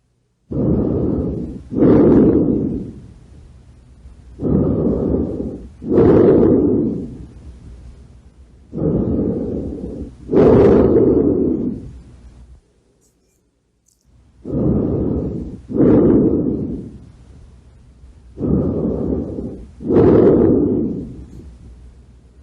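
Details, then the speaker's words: Normal lung sounds heard through a stethoscope in a teaching audio: soft, even breathing at about 14 breaths a minute, with no wheeze or crackles. "son ruidos pulmonares no o sea es cuando se escucha respirar a una persona con un estetoscopio y aquí van a escuchar los diferentes ruidos"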